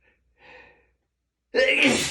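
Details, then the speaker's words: Morning allergy sneezing on waking with a tickly nose: a brief indrawn breath followed by a sudden loud single sneeze burst. "I keep feeling like Oh, like I'm going to sneeze. Sneezes."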